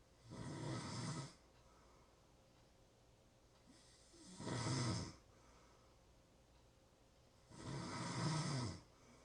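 Three coarse, rattling snores on inhalation, about 16 breaths a minute, with quiet pauses between them. Ordinary snoring.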